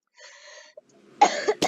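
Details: A faint hum, then a single sharp, harsh cough burst followed by a second short burst during Minecraft gameplay commentary; a plain cough.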